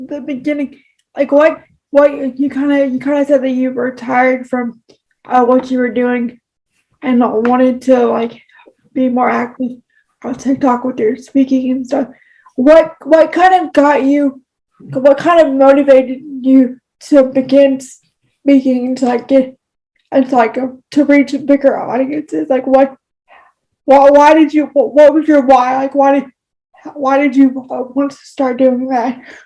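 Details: Speech disfluency with frequent word repetitions in a person with cerebral palsy, heard in real conversational speech.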